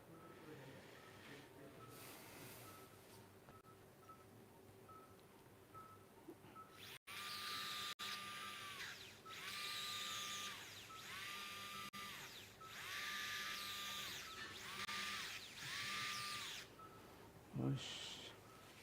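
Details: Repeated bursts of high-pitched motorized whirring over room hum: a surgical drill during unilateral biportal endoscopic spine surgery.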